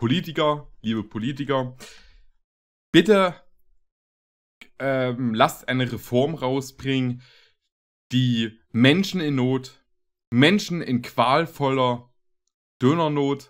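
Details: Adult male speaker; typical speech.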